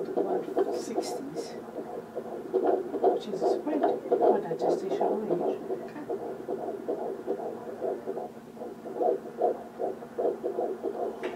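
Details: Doppler fetal heartbeat at 12 weeks of pregnancy: rapid, regular whooshing beats at about 155 a minute, normal fetal heart tones.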